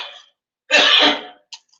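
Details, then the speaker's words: Politician coughing during a public speech: a faint breath, then one loud, harsh half-second cough close to a throat-clear, with a brief click after; single cough. "दूसरी नौटंकी खासी फिर से चालू हो गई यह जो खांसी हो रही है ना को"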